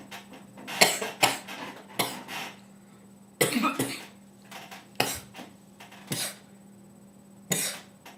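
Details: Repeated sharp, harsh coughs in irregular bursts, some in quick pairs, about eight in all, over a faint steady hum: a bout of coughing.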